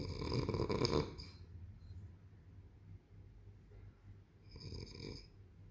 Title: daddy snoring so heavy and I, still can sleep 😱